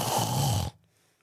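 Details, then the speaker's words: An adult demonstrates an imitated mouth snore: a single rough, throaty rattling sound from the palate at the back, under a second long. "There's mouth snoring and there's no snoring. Mouth snoring is the most common in terms of the pallet at the back and it goes like this."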